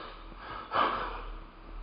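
A single short, breathy, faintly whistling breath, an adult's imitation of a wheeze.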